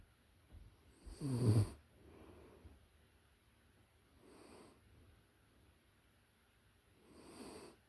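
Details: Puppy in deep sleep, close-up recording: soft, low, rhythmic snoring snorts every few seconds, one louder snort early on, over quiet room hiss.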